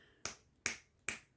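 Three sharp, evenly spaced clicks, a repetitive clicking tic in Tourette syndrome.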